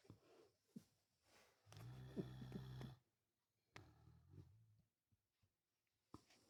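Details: Pet dog asleep, snoring away; low rattling, droning breaths with quiet pauses between. Snoring.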